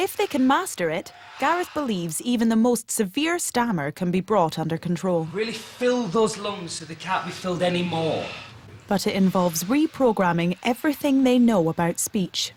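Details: Adult narrator; fluent speech.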